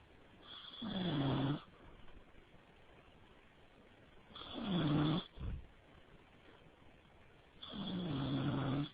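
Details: Three loud, rattling snores on the in-breath, about one every three to four seconds, over a steady background hiss; snoring.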